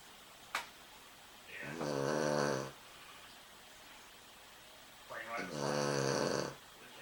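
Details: Sleeping dog gives two rough, buzzing snores about four seconds apart in a quiet room: snoring.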